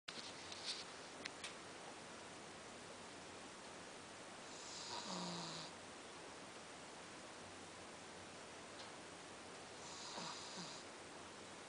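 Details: A sleeping Pekingese dog snoring: two soft, wheezy snores over a steady room hiss.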